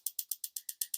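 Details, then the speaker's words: Focused shockwave therapy device delivering pulses through gel, self-applied and slightly uncomfortable: quick, crisp ticking, about eight pulses per second; typical treatment runs 3,000–4,000 pulses. "and you'll hear the tick tick tick and those are the shock wav"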